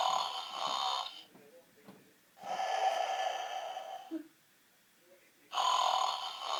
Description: Snoring giraffe...too funny.